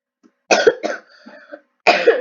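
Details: Person who says they are sick coughing while recording: three short, rough coughing bursts with a quiet throat noise between them, in a quiet room.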